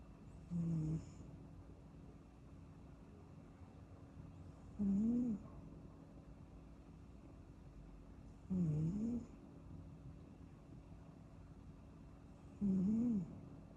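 Soft, regular squeaky snores with each breath, about 15 a minute, from a napping kitten; harmless snoring.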